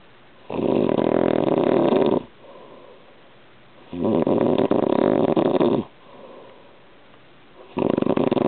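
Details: Serious snoring from an adult man asleep on a waterbed, recorded by his wife to disprove his claim that he snores only when she is in bed with him.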